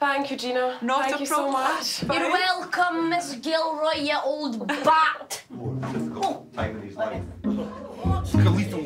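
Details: 12-year-old boy with Tourette syndrome diagnosed in 2014, tics intensified after starting secondary school; shouted insults and odd phrases; vocal tics with coprolalia (Tourette syndrome).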